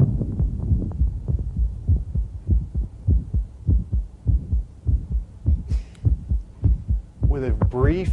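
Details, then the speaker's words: Mid-systolic click of mitral valve prolapse in a female patient after squat-stand maneuver: regular heartbeat ~100/min with an extra click; on standing it slides toward S1, followed by a brief mid-systolic murmur, probably an intracavitary gradient. "your stethoscope is more accurate in making the diagnosis of mitral prolapse than an echo"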